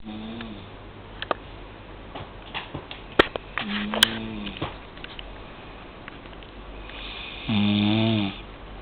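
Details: Female sleeper snoring about 5–10 minutes after falling asleep: intermittent throaty snores with clicks and room noise, ending in a louder drawn-out snore.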